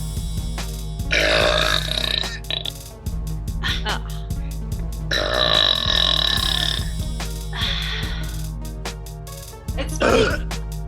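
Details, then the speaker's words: Girl burping in a burping contest: several long, loud voiced belches over steady background music with a brief exclamation between them. "jesus megan i'm sorry i won't apologize i'm not even confident of which end that came out of"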